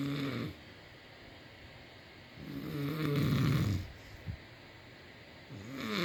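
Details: A man snoring: two loud, rough, low inward snores with quiet pauses between them.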